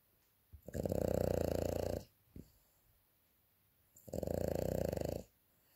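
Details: French bulldog snoring loudly during an afternoon nap: two fluttering inspiratory snores about three seconds apart with brief snorts between; snoring in a flat-faced dog.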